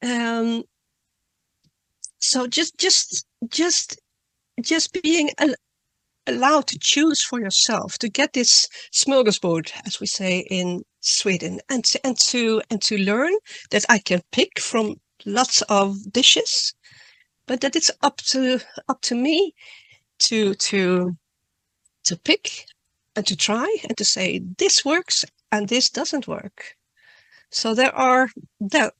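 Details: Adult woman who stutters, reading her talk aloud because she says reading decreases her stuttering; word and part-word repetitions; stuttering.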